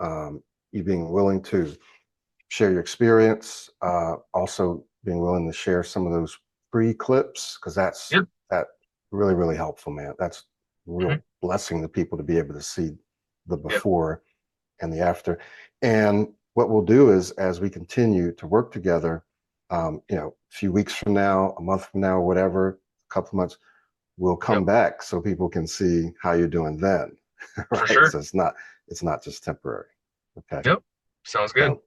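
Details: Adult male speaker; normal speech.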